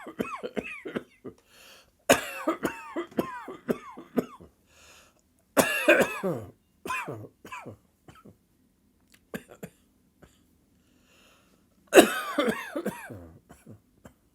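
Repeated harsh, dry coughing in clustered bursts, a sudden dry coughing fit without wet rattling.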